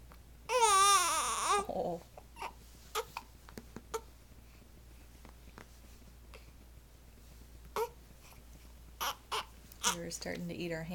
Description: We're feeling fussy. And we're hiccuping again. (Nine days old)